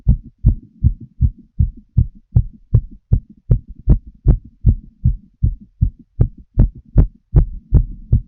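Clear, regular thumping heartbeats, fast at roughly 150 to 160 a minute, with paired beats heard through a stethoscope.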